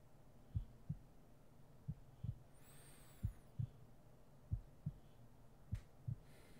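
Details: Normal heartbeat in an ASMR sleep-aid roleplay: soft, steady paired lub-dub thumps at a slow rate of about 46 beats a minute, with faint rustling.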